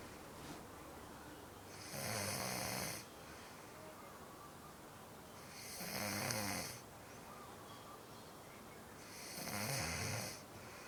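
Three slow, rattling breaths in a quiet room, about one every four seconds; snoring during sleep.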